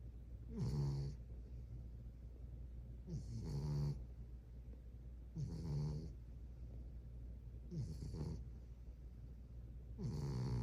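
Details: Snoring in a sleeping French Bulldog puppy: regular snorting snores, about 24 a minute, each a rough breath ending in a short whistle; steady snoring.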